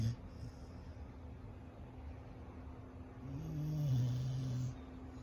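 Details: Nova, a very active puppy, sprawled out asleep and snoring: soft, low breathing that builds into one drawn-out, rumbling snore over about a second and a half.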